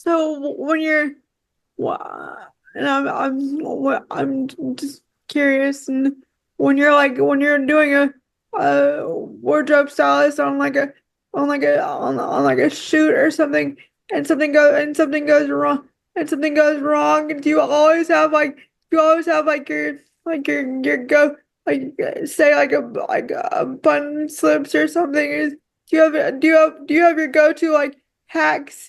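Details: Woman with quadriplegic cerebral palsy affecting her whole body, whose speech leads viewers to ask if she is crying; frequent word and phrase repetitions; dysarthria (cerebral palsy).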